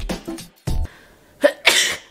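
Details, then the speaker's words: Person who says they always sneeze twice: a few sharp bursts ending in a loud, forceful sneeze with an explosive airy release; a double sneeze. "t about me is that whenever I sneeze I have to sneeze twice so before you say bless you just wait"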